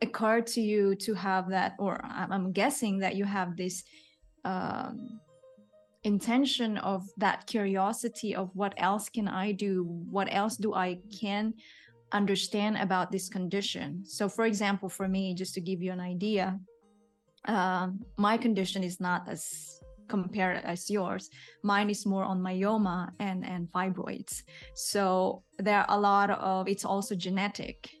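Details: Adult woman speaking; typical speech.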